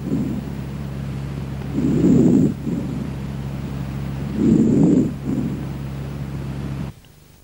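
Soft, low rustling breaths through a stethoscope, louder on breathing in: normal vesicular breath sounds.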